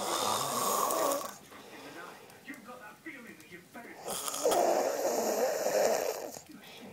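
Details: Snoring during sleep: two loud, harsh, rattling breaths separated by a quiet exhalation pause.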